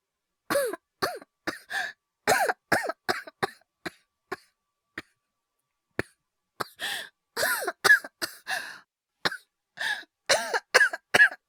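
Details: Acted, simulated coughing by a male voice performer, no dialogue, portraying illness and hyperventilation: a rapid series of about thirty coughs, some voiced and throaty, with brief pauses; performed coughing, not a real illness.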